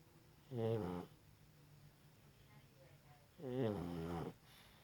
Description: Pug sleeping and snoring